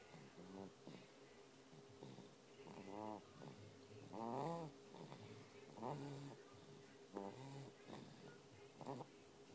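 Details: Irregular snorting, fluttering snores with nasal whines, about 40 a minute, over a steady background hum; snoring.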